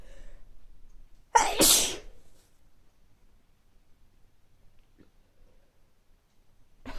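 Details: Adult with recurring mild colds over recent weeks, nose not very stuffy but sneezy: one loud explosive sneeze after a brief inhaled build-up, then quiet; sneezing with a common cold.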